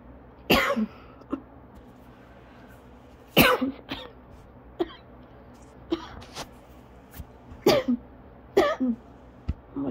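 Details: Repeated harsh, forceful coughs from an adult in an asthma coughing fit lasting over 30 minutes, leaving them lightheaded, dizzy and struggling to take normal breaths.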